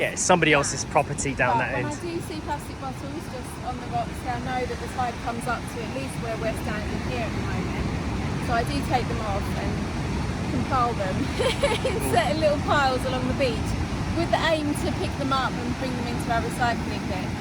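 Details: Adult man speaking outdoors; ordinary speech.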